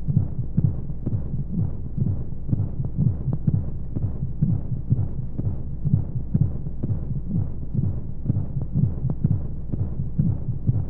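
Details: Womb sound played as a sleep aid for babies: steady low thumping heartbeat, roughly 125 beats a minute, under a soft continuous whooshing hum of flowing sounds and white noise, as heard inside the womb.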